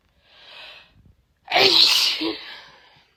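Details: Female: a quick indrawn breath, then one loud explosive sneeze that trails off; a single sneeze.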